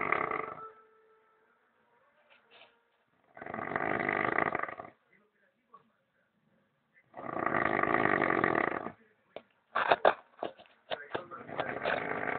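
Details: Snoring during sleep: long rasping sleep noises roughly every three to four seconds, with clicks and snuffles between them; snoring.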